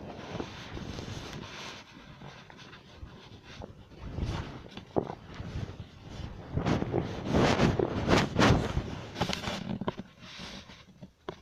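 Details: Stomach growling (borborygmi): audible gurgling rumbles from the abdomen.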